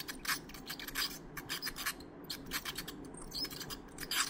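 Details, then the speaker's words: A veterinarian performs dental cleaning on an anesthetized (injectable anesthesia) 4-year-old dog with significant tartar buildup: repeated high scraping and gritty rasping as tartar is scaled off the teeth. "yep you've seen the before is the after all that buildup all that colus is gone"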